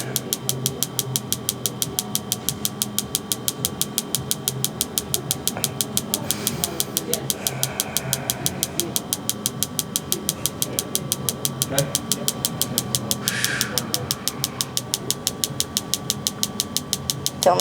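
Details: Focused shockwave therapy on a man's knee for chronic patellar tendinopathy, applied at the spot radiating into the kneecap, intensity being increased, pain rated 4/10; steady rapid clicking pulses with faint hum and brief voices.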